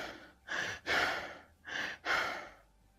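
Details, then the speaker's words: Kussmaul respirations demonstrated in a teaching example of pathological breathing patterns: rapid, deep breathing at a consistent pace, with loud airflow on both inhaling and exhaling. "kussball respirations consist of Rapid deep breathing at a consistent Pace that attempts to balance the acidotic state by breathing off carbon dioxide"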